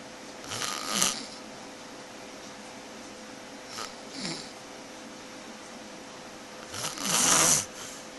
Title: And she says I snore!!!!